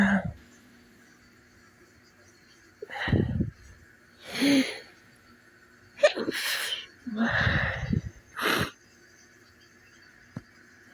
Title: wake up sneezes